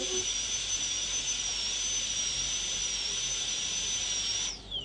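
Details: A dental high-speed drill gives a steady high-pitched whine with water-spray hiss while preparing a molar for a PFM crown, cutting tooth continuously, then winds down at the end.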